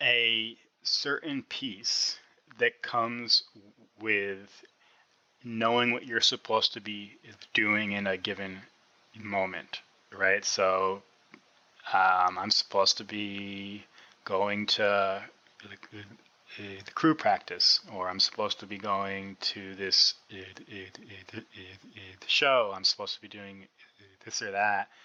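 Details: Stuttering in an adult man who has stuttered since about age six and still stutters; a speech-language pathologist.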